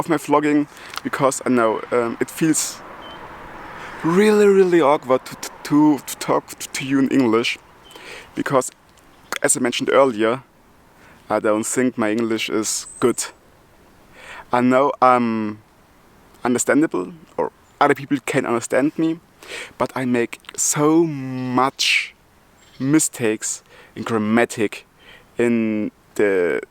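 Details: Adult German man who stutters and also has multiple sclerosis, speaking English, his second language; he ties his stuttering to breathing and to the extra load of a foreign language; part-word and word repetitions; stuttering.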